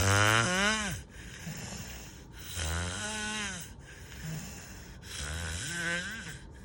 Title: Snoring loud